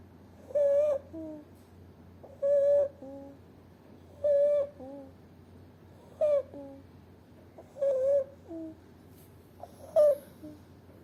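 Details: An infant with bilateral vocal cord paralysis, on day 209, has noticeable stridor: a high, crowing whistle on each breath in, about 33 breaths a minute; inspiratory stridor.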